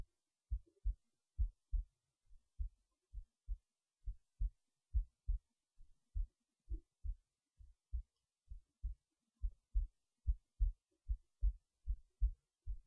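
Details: Heartbeat recorded while resting in bed late at night before sleep: steady paired low heart thumps at about 70 beats a minute, a normal resting heartbeat.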